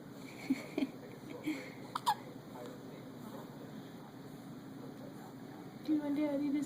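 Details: Infant born two months premature with hiccups: several short, abrupt hiccup sounds at irregular intervals over room hum, then a soft infant vocalization; baby smiling.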